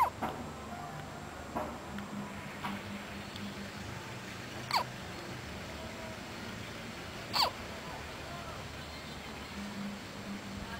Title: cute hiccups